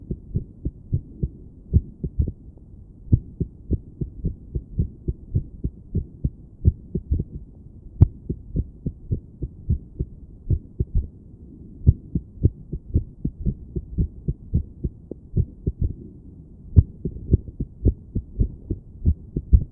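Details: Woman sitting on her bed listening to her own heart with a stethoscope, trying to sit still and breathe slowly. Low thumps with uneven spacing and some steadier stretches: irregular heartbeat.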